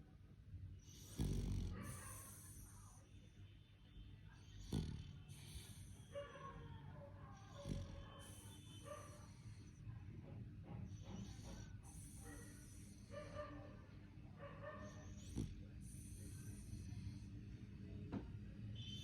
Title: 4 months beagle snoring 😴 in deep sleep !!!